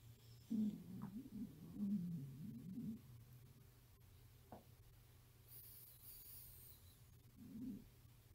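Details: Stomach growling (borborygmi) recorded from a hungry 13-year-old girl during a sleepover.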